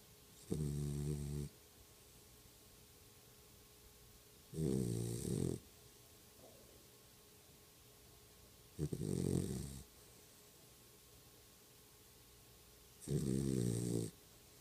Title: Stella snore 1